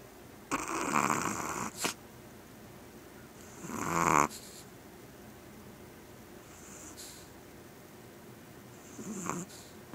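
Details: Small Yorkie dog snoring while asleep: loud, irregular snorting snores with fainter wheezy breaths in the gaps. Snoring.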